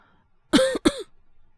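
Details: Acted cough by a male Japanese voice actor (VTuber) playing a young boyfriend with a cold and high fever: two short, harsh voiced cough bursts in a quiet room; all performance, simulated.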